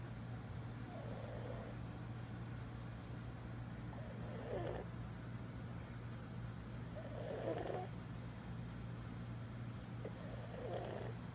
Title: Willie 11 year old pug sleeping on hotel bed TO CUTE!!! SNORING PUG